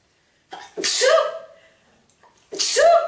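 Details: Woman sneezing 46 times: two loud sneezes, each a short indrawn breath and then an explosive burst, part of a long repeated sneezing bout.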